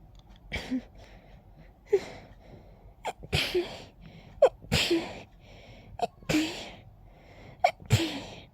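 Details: Person with an itchy nose all day and a pollen allergy sneeze attack: a rapid fit of about six sneezes, each a sharp indrawn breath then an explosive burst.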